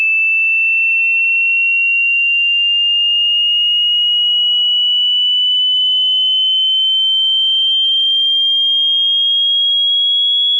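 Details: Online hearing test tone: a steady, pure, high-pitched whistle that slowly rises in pitch over about ten seconds.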